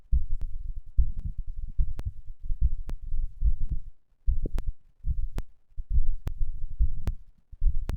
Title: 運動後の心音3 Heart sound after exercise3